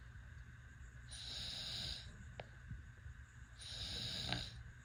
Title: Cute baby snoring 💤